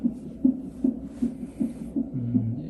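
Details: Fetal non-stress test on an electronic fetal monitor with two probes, one for fetal heart rate and one for uterine contractions, normal range given as about 120–160: rapid, regular whooshing pulses about 130 a minute, a normal fetal heartbeat.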